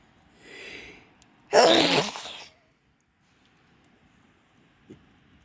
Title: sneezing fit in front of pit